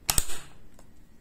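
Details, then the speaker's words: Two sharp clicks in quick succession as a MedRena UniFusion VP50 infusion pump door is closed by pressing both its left and right sides, confirming the infusion line is seated in the line guide. "once the line is installed close the door by pressing both left and right side until you hear the sound of clip"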